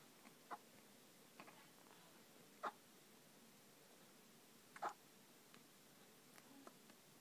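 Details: Newborn baby boy, nearly 24 hours old, in hospital with hiccups: soft, brief hiccup sounds at irregular intervals in a quiet room, about three clear ones over seven seconds.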